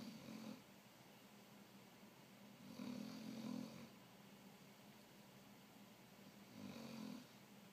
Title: Snoring mastiff puppy